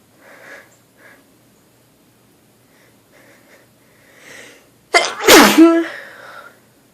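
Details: Messy sneeze triggered by a very dusty place, repeated sneezing: quiet breathing, then one loud, wet, explosive sneeze with a brief voiced trailing sound.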